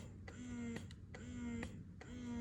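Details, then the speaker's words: Philips Avent SCF323/11 two-phase electric breast pump: quiet motor whine rising and falling in short cycles with a click each cycle, pump running normally. "це двохфазний молоковідсмоктувач для чого дві фази перша фаза готує груди до зціджування стимулює друга фаза стіджує молоко"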